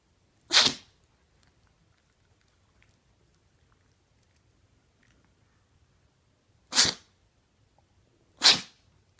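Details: Pomeranian dog in pajamas, ready to go to sleep: three short, sharp sneezes, the first alone and the last two a couple of seconds apart, in a quiet room; sneezing.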